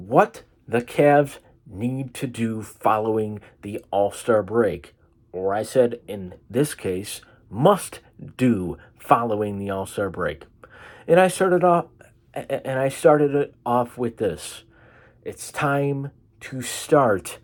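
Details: Stuttering-type speech disfluency in a man, which he attributes to his cerebral palsy.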